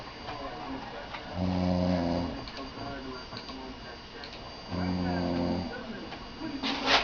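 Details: Man passed out asleep: two long, low, rumbling snores with a quieter pause between them, over faint room noise. Snoring.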